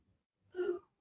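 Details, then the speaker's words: A female dog coughing: a single short, slightly tonal cough-like burst in a quiet room. She has been unwell and almost died a couple of weeks earlier. "That's Zinni coughing. Can you hear?"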